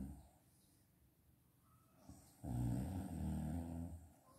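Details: Mother snoring during a daytime nap: a low, rough rumbling snore swells after a quieter stretch of background noise; ordinary snoring in sleep.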